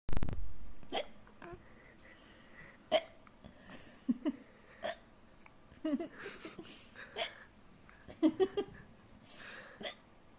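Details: Hiccups: short, abrupt catches in the throat repeating irregularly about a dozen times, with light laughter and murmuring in Hindi.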